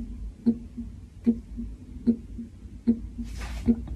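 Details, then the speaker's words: Normal heart sounds S1 and S2 on cardiac auscultation with diaphragm: regular lub-dub at about 75 per minute, louder first sound followed by softer second; S1 is AV (mitral, tricuspid) valve closure, S2 is semilunar (aortic, pulmonary) valve closure. "now if you listen closely now you're going to hear s1 and s2 remember s1 comes first obviously and that's two seconds see if you can hear them"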